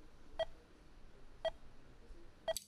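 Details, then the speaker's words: Three short, evenly spaced electronic beeps about a second apart: a manual defibrillator's charged, ready-to-shock tone after charging the paddles, in a training demonstration. "Next step is to charge the paddles by either pressing the charge button on the machine or the paddles."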